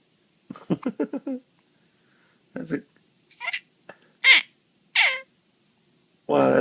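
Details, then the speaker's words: One-week-old newborn with hiccups giving a first coo: soft, short, high-pitched coos with gliding falling pitch, separated by pauses. "closest Thing I've Ever heard to a Smile in a cool right"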